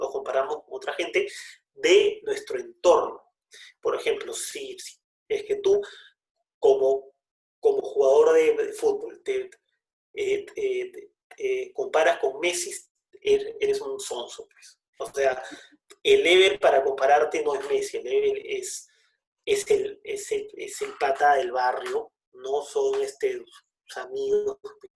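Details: Adult who describes himself as a person who stutters, speaking Spanish in a conversation about using pauses in his stuttering; stuttering.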